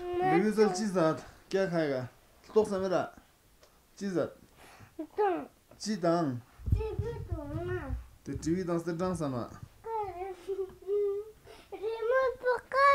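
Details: Young baby boy crying: repeated wailing cry bursts with short pauses between, in a small room; infant crying.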